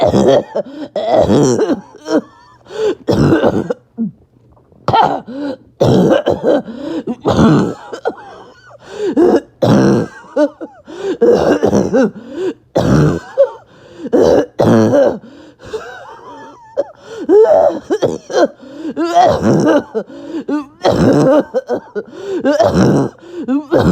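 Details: Adult with an awful barking, wheezing cough after a bad 48 hours: repeated harsh barking bursts with whistly, strained breathing between fits.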